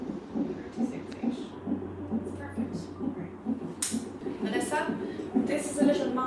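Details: Fetal heartbeat heard on a CTG monitor during pregnancy or labour monitoring.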